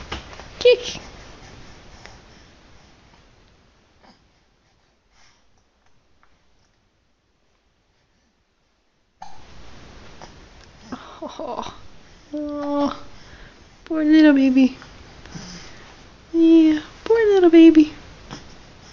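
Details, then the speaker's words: Baby getting sleepy makes several brief, squeaky catches of breath at uneven spacing after a quiet stretch, with faint room noise; infant hiccups. "Oh. You got hiccups."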